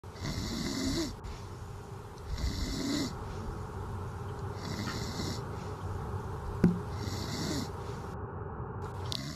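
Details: Snoring: repeated rattling snores roughly every two seconds, with noisy room sound in the background.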